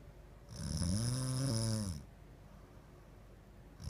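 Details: Sleeping woman snoring, husband reports sleepless nights from it: one long, loud, vibrating snore of about 1.5 seconds with a buzzing, rattling tone.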